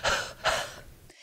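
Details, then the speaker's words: Demonstrated huff cough for clearing chronic mucus: two to three short, breathy bursts exhaled with the glottis open while flapping the arms, unlike a reflex cough; longer huffs clear smaller airways, shorter huffs clear larger airways. "you do not close your glottis as in a reflex or normal cough by doing it this way it creates a huffing sound as if you were saying longer huff exhalations help clear smaller airways shorter huff exhalations help clear larger airways"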